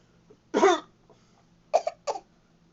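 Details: A 23-month-old boy, being silly, copies coughing without having a cough: three short pretend coughs, one longer burst, then two quick ones in a quiet room; an imitated cough.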